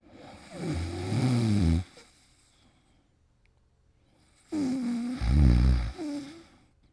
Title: Man Snoring sound effect